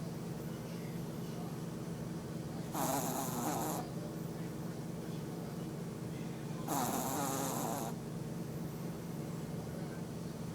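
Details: Teddy snoring during a short nap: two loud, rough, fluttering snores about four seconds apart over a steady background hum.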